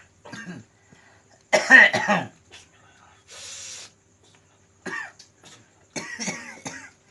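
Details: Several harsh, forceful cough bursts with throat clearing and breathy pauses in a quiet room, from an adult man with a chronic cough of over 2 years; no disease was found despite medical treatment.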